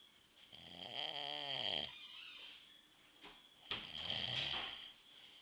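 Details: Dad snoring in his sleep: two loud, rattling snores on inhalation, about 23 per minute, with a quiet pause between them; ordinary sleep snoring.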